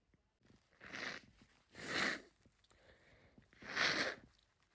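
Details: Repeated sneezing after being outside all day: three hissing sneezes, each after a short build-up, spaced about a second apart.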